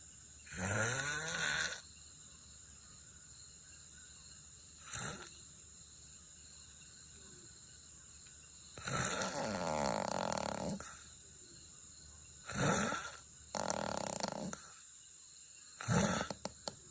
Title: I snore softly sometimes. Someone once asked me if I could control my snoring 😬😬#snoring